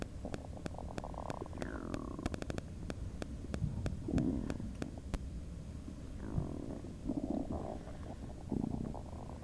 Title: Bubble guts?! LOL highly requested stomach noise video-sorry about all the other noises in the back